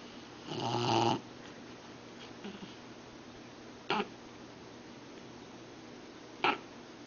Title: Sharpei Snoring